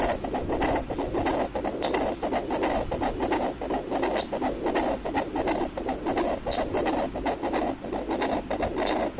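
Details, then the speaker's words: Adult's own heartbeat recorded with a fetal Doppler placed over the heart: rhythmic whooshing pulses over steady scratchy hiss, roughly 85–90 beats a minute. "এটা সরাসরি আমার হার্টের শব্দ এবং আমার হার্ট"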